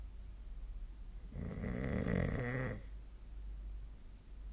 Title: 🐽 本日のイビキ / Snoring Sleep Sound 2025/02/20